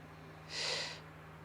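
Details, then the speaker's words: Endoscopic ear microsuction with a standard-size tube on a large, very dry, crumbly wax plug in a bendy ear canal, struggling for suction grip: low steady hum with brief rising and falling suction hiss. "you can just see it's it's so dry I'm actually struggling to get a suction grip here wiggle wiggle wiggle come on"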